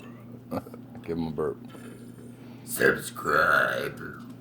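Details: Deliberate burping: short voiced sounds, then a loud, long, rumbling belch with a throaty voiced tail in a small room.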